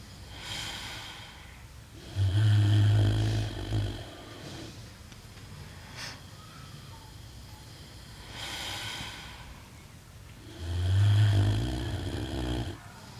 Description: This is literally one minute of Angi the pig snoring, as she does.